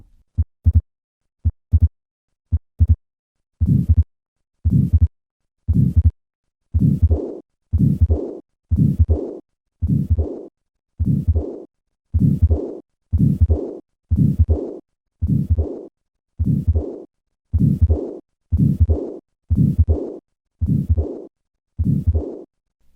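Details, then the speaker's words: Repaired tetralogy of Fallot: regular heartbeat about 56 a minute with systolic and diastolic murmurs and a widely split second heart sound, from combined pulmonary stenosis and regurgitation. "listen once again to the murmur of combined pulmonary stenosis and regurgitation and notice the widely split second heart sound common in these patients"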